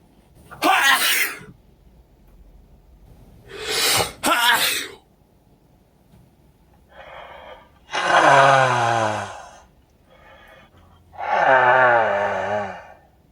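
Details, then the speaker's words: Sneezing with a cold-congested, itchy nose, induced by sniffing pepper: two sharp sneezes with a sniff, then two long voiced groaning exhalations while complaining that the nose tickles. "Oh my nose. It tickles. Oh. Oh. Oh. It tickles. We're gonna sneeze."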